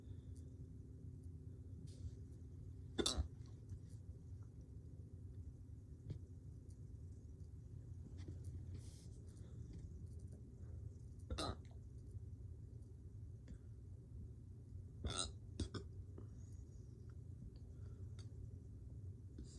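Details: Male woke up with hiccups that morning; quiet room with a few sudden, sharp, brief gulping clicks at irregular intervals, about four in twenty seconds: unpredictable hiccups.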